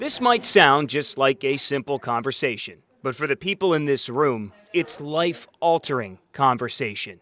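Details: Adult male news reporter; typical speech.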